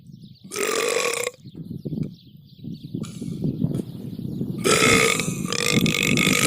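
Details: Burping: two loud, drawn-out voiced belches with quieter rumbling and breathy sounds between them.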